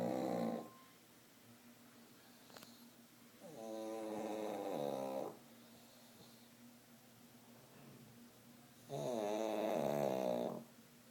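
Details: Sleeping dogs snoring: three loud, buzzing snores with quiet pauses between them, about 12 a minute, over a faint steady hum.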